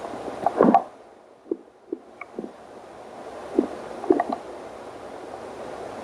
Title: angry stomach growl very hungry